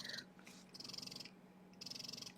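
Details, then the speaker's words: Motif Luna breast pump in massage mode at highest suction level 5, mimicking a baby's slower, stronger suction during letdown: rhythmic hissing suction bursts over a steady motor hum with long, strong cycles. "now this massage mode is mimicking a baby suction pattern when Mom is having a letdown where there's large volumes of milk coming so they're slower stronger sections going over"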